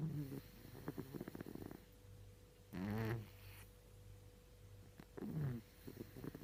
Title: Mucha russa mentre dorme - Mucha is snoring while sleeping